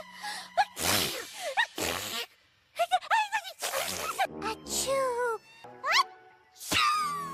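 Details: Cartoon pony characters give a couple of loud, exaggerated simulated sneezes, with music and high, squealing character voices around them; sneezing.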